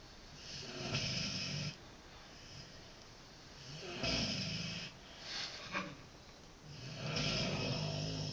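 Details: Dog snoring: rough, noisy snoring on each breath in, about three over eight seconds, with quieter breathing out between.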